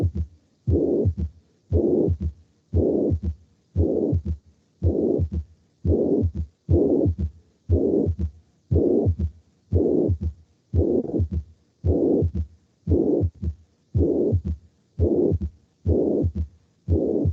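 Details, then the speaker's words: Holosystolic blowing murmur of mitral regurgitation filling all of systole between the first and second heart sounds, regular heartbeat near 59 a minute, played in a cardiovascular class. "y finalmente pues los soplos de insuficiencia mitral ocurren primer ruidos el cardiaco segundos río cardíaco durante la sístole ocurren durante toda la sístole"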